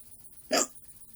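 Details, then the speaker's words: Hiccups in a 14-year-old, attributed by them to eating too much macaroni; a single abrupt gulping hiccup with a sharp catch of breath in a quiet room, some described as painful. "in my other video, I said I'm gonna shut up and let you guys hear my hiccups. So I'm just gonna let you hear them, okay?"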